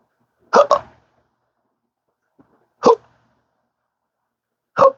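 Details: Persistent hiccups in a person with a rare condition since December 2015 after surgery with multiple nerve damage, including the pudendal nerve, with 12-hour daily episodes that worsen with talking: sharp voiced hiccups, one doubled, spaced a couple of seconds apart.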